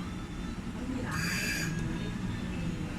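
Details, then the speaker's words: Bird ventilator set with flow mid-range at pressure about 10, tidal volume about 260–270: a single hissing gas-flow burst over low room rumble; pressure-cycled ventilator breath. "ทีนี้มาดูเรื่องของตัว pressure บ้างนะครับเมื่อเราตั้งโฟไว้อยู่ตรงกลางนะครับ pressure ตอนนี้อยู่ที่ประมาณ10นะครับ"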